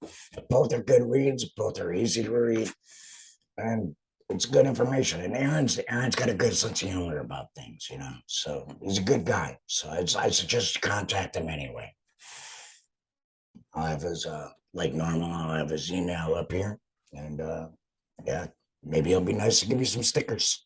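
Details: Man after total laryngectomy; finding: alaryngeal speech after total laryngectomy.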